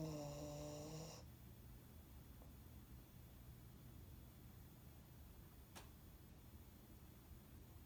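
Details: An animal asleep at the office gives one brief, buzzy, tonal snore at the start, then quiet, low, rumbling room noise.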